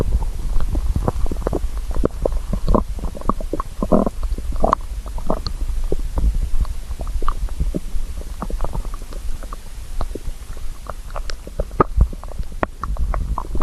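Continuous low gurgling and rumbling with bubbling pops, recorded close up. Stomach growling from hunger, a normal bowel sound.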